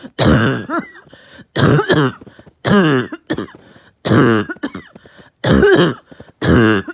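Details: Uncontrollable, really bad barking night cough: six loud, harsh, hoarse coughs about a second apart, each followed by a short noisy breath.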